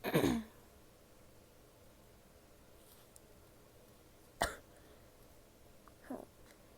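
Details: A female gives a loud sneeze-like burst, then a single sharp cough and a softer throat sound, in a quiet room.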